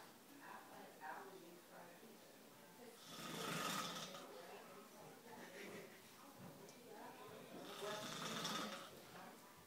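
Breathy, rasping snores about every five seconds over faint room noise; snoring.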